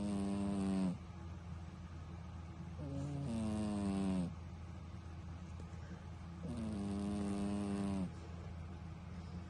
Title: MUST WATCH! My cat snoring loudly (this is funny as crap!)